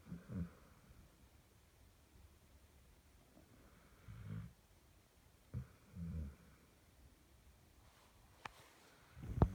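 Low, rumbling breathing sounds in a regular rhythm, about one every two seconds, with quiet gaps between them: a dog snoring.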